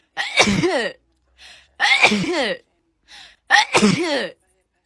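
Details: Frequent sneezer, who doesn't think it's allergies, just woke up: three loud voiced sneezes about two seconds apart, each with a falling squeal and a short breath in before it.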